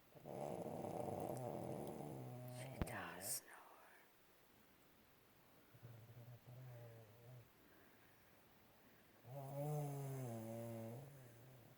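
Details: Low, buzzing snore sounds in a quiet room, with a soft voiced tone at the end of each breath; snoring.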